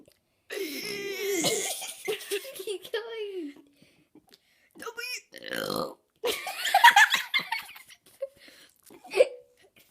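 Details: Girl deliberately burping the alphabet and numbers for fun: long, drawn-out voiced burps shaped into sounds, with giggling in between; burping.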